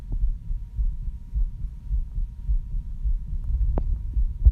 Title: Heart sounds after cycling